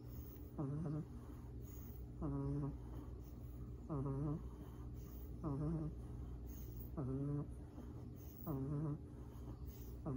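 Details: Two sleeping black pug puppies snoring with regular, whistly, nasal snores on each breath, about 40 a minute, over a steady background hum.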